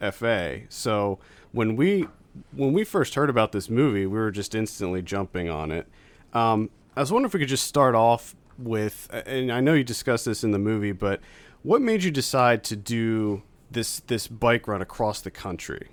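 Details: Adult male speaker; normal speech.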